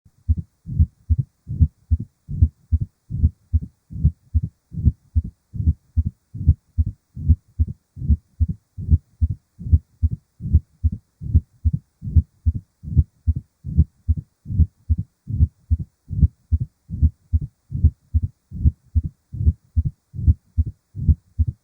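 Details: Steady heartbeat about 74 a minute with low rumbling decrescendo-crescendo diastolic murmur: mitral stenosis.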